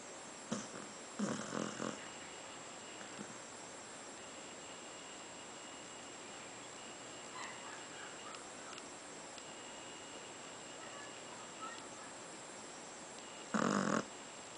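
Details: A pet, fast asleep, gives a few short, rough snorting snores separated by long quiet stretches; the camera shakes from laughter.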